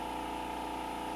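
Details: Dermaglow II professional microdermabrasion machine running at its lowest intensity, a gauge setting of 2.9, before a facial treatment: steady motor and pump hum with a constant tone.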